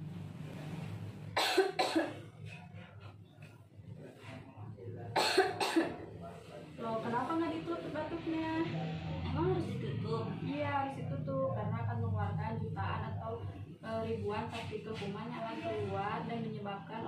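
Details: Acted adult coughing in a short public-service film on cough etiquette, two short bouts of forceful coughs, then talking over soft background music: simulated cough.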